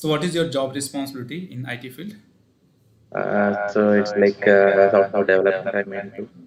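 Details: Adult male with puberphonia (previously high-pitched, female-like voice with occasional dual voice), recorded after voice therapy, now reports a stable voice; finding: puberphonia, post voice therapy.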